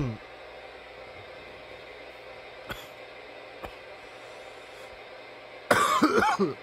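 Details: From nearly 10 minutes of coughing: a quiet room with faint throat sounds, then a loud cluster of repeated harsh coughs.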